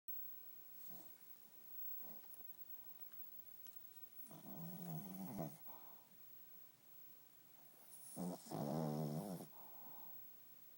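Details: 11-year-old dog snoring while asleep: soft, low rumbling snores on inhalation, two main breaths with quiet gaps between.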